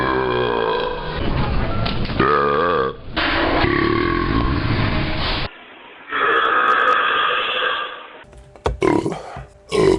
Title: BURPS 16